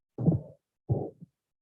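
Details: Pansystolic murmur of ventricular septal defect.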